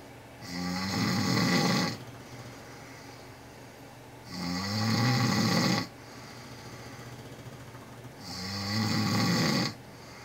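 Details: Snoring contest between an English bulldog and a powerlifter (which one unclear): loud, harsh rattling snores on each inward breath, about 15 a minute, with quiet gaps between; heavy snoring.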